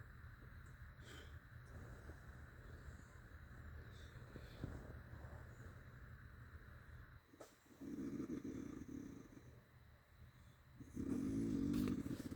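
Steady background noise, then two rough, buzzing, engine-like snores near the end; loud snoring.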